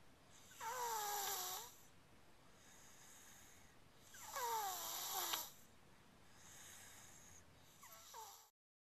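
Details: Snoring while asleep in a car seat: irregular snores with a high whistling, squeaky tone on each in-breath, about three in nine seconds, over soft steady background hiss.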